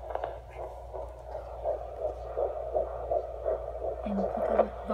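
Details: Rapid, regular whooshing fetal heartbeat on Doppler at 10 weeks 4 days of pregnancy, rate 170 beats per minute, over a low hum with brief voices near the end; the midwife says everything is going well.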